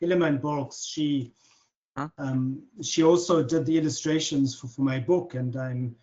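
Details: Adult man, a self-described proud person who stutters, who does not try to control his speech and stutters openly; stuttering.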